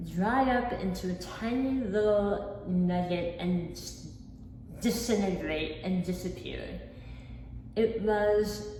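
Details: Articulation disorder with a lisp-like defect in an adult woman, acquired after a 2018 hemiglossectomy for oral cancer; about 50% of her tongue was removed and replaced with a flap tethered to her cheek.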